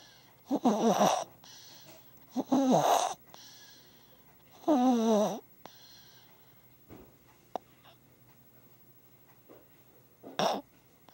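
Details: Sleeping baby snoring: three loud vibrating snores, then softer breathing and a final snort, with noisy, partly blocked airflow.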